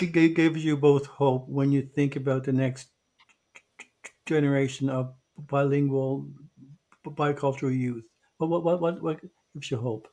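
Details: Podcast co-host who identifies himself as a person who stutters. Finding: stuttering.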